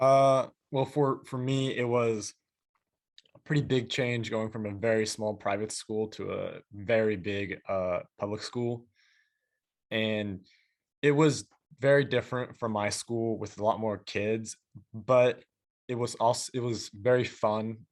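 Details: Female high school junior who stutters, on a panel of people who stutter; part-word and whole-word repetitions and filler words while introducing herself. Stuttering.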